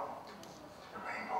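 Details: Unilateral vocal fold paralysis, one vocal fold not moving, caused by a left upper lobe lung cancer found when the patient presented with the voice problem; breathy voice with much air escaping.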